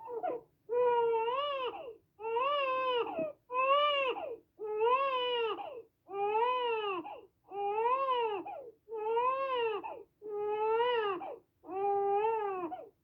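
Rhythmic infant crying, about nine wailing cries each lasting just over a second, with short breaths between them.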